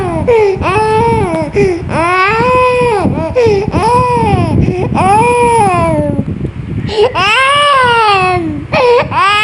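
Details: Young child sick with a cold, with cough, distress and discomfort: loud, sustained crying in long wailing bursts with brief gasping breaths between.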